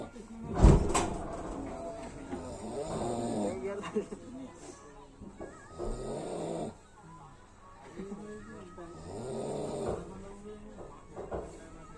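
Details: Person snoring at night during a train journey from Ahmedabad to Puri: repeated low, rough snoring breaths about every three seconds over faint background chatter and room noise; loud snoring.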